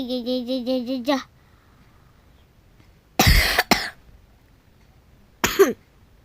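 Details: Brief sung or spoken voice, then a harsh double cough and a single short cough, three in all, from a Roblox player who keeps coughing; cough.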